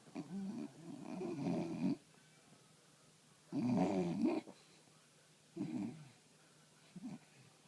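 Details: Sleeping dog in a quiet room: loud, rumbling, drawn-out, rough snores, about three in eight seconds; snoring.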